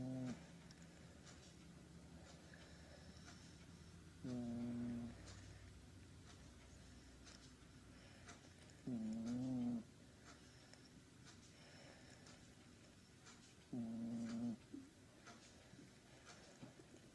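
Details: Ordinary snoring from a sleeping cat: three loud buzzing snores, about 13 a minute, over quiet room noise.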